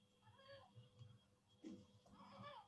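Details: Congenital bilateral vocal cord paralysis; weak cry with stridor, which may be inspiratory or expiratory, present even at rest and worse when agitated.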